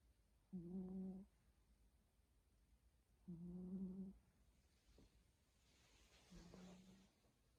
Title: 고양이 코고는 소리!! 코골이!!